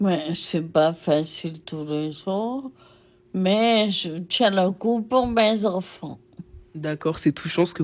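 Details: Adult woman with Friedreich's ataxia since 1996, which began with staggering and is progressively worsening, with difficulty speaking and no remaining autonomy; ataxic dysarthria.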